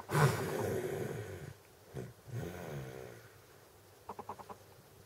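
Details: Sleeping baby with Down syndrome: rough, rattling breathing noise, with a few short snorting sounds at the end; snoring.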